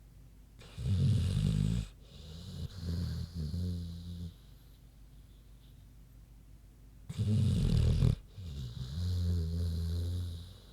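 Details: Loud, low, rumbling snores in repeated bursts with quieter gaps, from a big pig sleeping.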